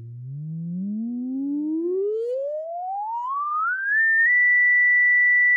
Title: Free Online Tinnitus Matching for Replicating & Sharing Your Tinnitus